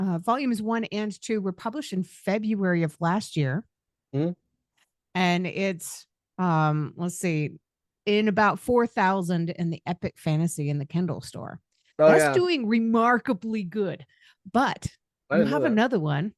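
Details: Adult speaker; Normal speech.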